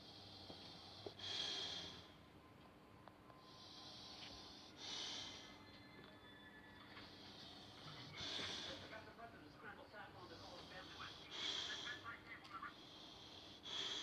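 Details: Sleeping with tongue out: repeated soft, hissing, snorting breaths about 18 a minute, slightly irregular, with faint background noise; snoring.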